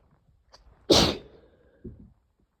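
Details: A short intake of breath, then one sharp explosive sneeze and a soft after-sound, part of a short sneezing fit with sniffles and light coughing from a cold caught from a sibling.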